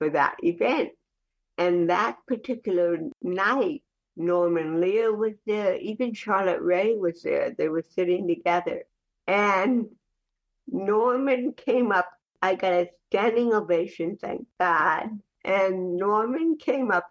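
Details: Speech in cerebral palsy (dysarthria), heard in the real conversational speech of an adult woman.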